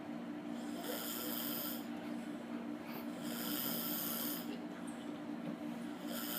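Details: Rhythmic rasping snore on each breath, about 23 a minute, over a steady low hum; ordinary snoring.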